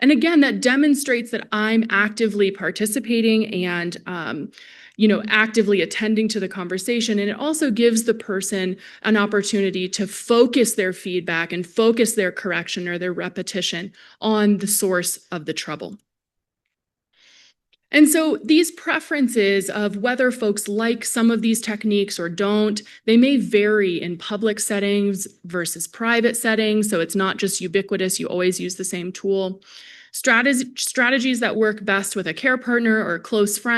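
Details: Adult woman presenter; Normal speech.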